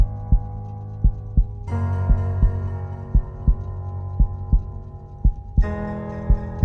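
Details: A heartbeat sound effect, not a real recording: paired low thumps at about 57 per minute over sustained epic orchestral music with partly female voices.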